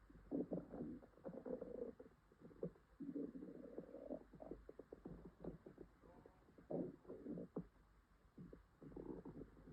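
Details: Woman with an upset stomach (stomachache, diarrhea tagged): long, low gurgling and rumbling bursts with short pauses, loud stomach growling (borborygmi).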